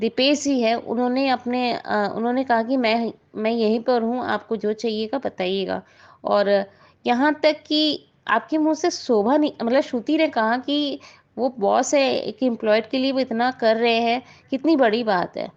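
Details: Adult woman speaking Hindi; normal speech.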